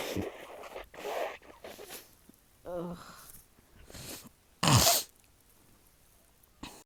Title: Sneeze attack